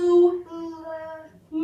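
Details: Boy aged 3 years 4 months imitating "moo"; his productions are inconsistent and miss the target vowel; childhood apraxia of speech with vowel distortion.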